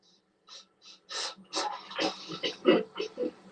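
A quick run of short, breathy bursts from an adult, consistent with a bout of dry coughing.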